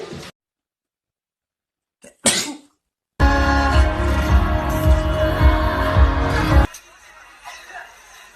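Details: A BTS member sneezes: a single sharp, breathy burst with a quick onset and fast fade, followed by loud music.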